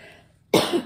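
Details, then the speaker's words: One sudden, loud cough from an adult who coughs repeatedly throughout the recording, preceded by quiet room sound. "well you're can hear the coughing the whole video I apologize"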